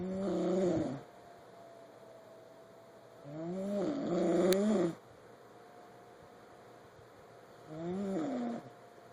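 Three rough, buzzing snores about 3.5 seconds apart, roughly 16 a minute, over a steady background hum; ordinary snoring.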